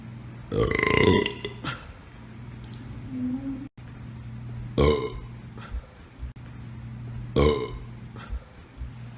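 Three loud, drawn-out belches with quieter sounds between them, ordinary burping.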